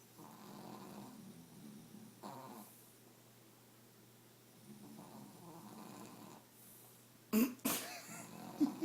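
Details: Adult man (a father) snoring: soft rasping snores with slow breaths in a quiet room, ending with a few sharp knocks; snoring.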